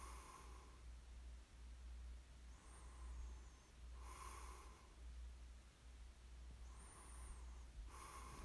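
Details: Soft snoring breaths with faint nasal whistling under a steady low hum; light snoring during sleep, recorded as a snoring ASMR sleep aid.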